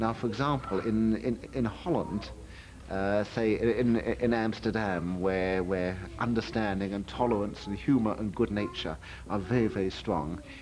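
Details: Adult man speaking; no disorder.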